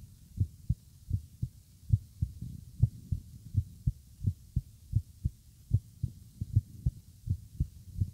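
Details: Morning recording close to the chest: steady paired lub-dub sounds at about 100 beats a minute with faint hiss; normal heartbeat.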